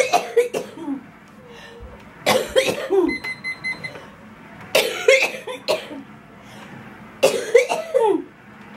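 Repeated bursts of harsh coughing in clusters, some sounding loose, from an adult with cystic fibrosis after breathing in cigarette smoke.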